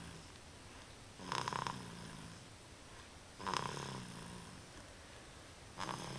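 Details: A 3-month-1-week-old infant with a cold, sleeping propped in a bouncy seat during a 2.5-hour nap, snores in short, rough bursts about every two seconds over quiet room noise; infant snoring.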